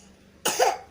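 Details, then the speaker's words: Child with a cough, itchy throat keeping them awake: a single short, dry-sounding cough burst after a moment of quiet room noise; ordinary cough. "Batuknya gatel di sini, kan nggak bisa tidur."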